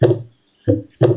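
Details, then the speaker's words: Normal heart sounds played as a stethoscope auscultation demonstration: low, dull lub-dub pairs, symmetric, with quiet gaps and no added noise between beats. "los [Música] pitos y los latidos del corazón. Vamos a ver los latidos"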